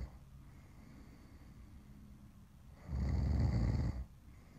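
A quiet low breath, then one loud rattling snore about a second long over room hum.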